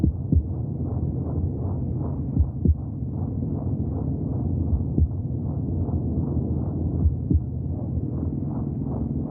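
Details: Steady, fast whooshing pulse with muffled, rumbling womb sounds: fetal heartbeat heard from inside the womb.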